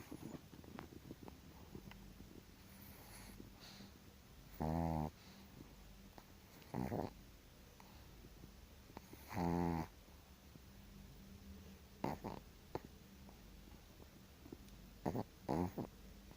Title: Chihuahua dog snoring loud 😴 / perro Chihuahua roncando